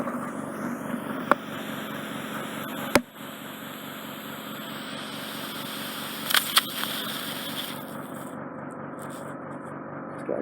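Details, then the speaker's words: Endoscopic E-suction microsuction of the right ear in a man with impacted, occluding ear wax and dead skin who was virtually unable to hear; steady hissing suction with sharp crackles and pops as the wax is drawn out. "good suction grip there and hopefully I can tease it out in one go so he says"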